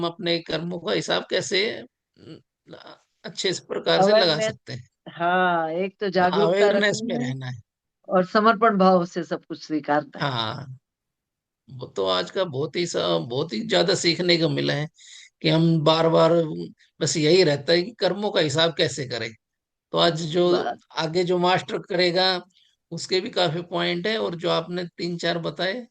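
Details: Adult speaker; normal voice.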